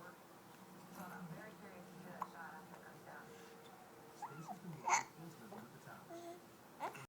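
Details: Infant hiccups: soft babbling with a few sudden sharp catches in the breath, over quiet room noise and low adult voices.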